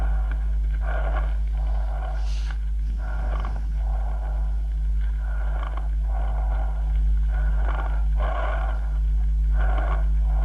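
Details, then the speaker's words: Loud, harsh, hollow breath sounds in repeated cycles over the chest: tubular bronchial breathing transmitted from the glottis to consolidated lung, as in pneumonia. "no hay que olvidar que el soplo se produce en la glotis y se transmite a la zona condensada escuchemos lo de nuevo"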